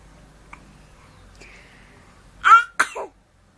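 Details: Two quick, small, high-pitched sneezes from an 11-week-old baby boy while he was being played with during a change of clothes, in a quiet room.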